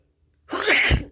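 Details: One loud, explosive, spraying wet sneeze after a brief silence; a forceful sneeze.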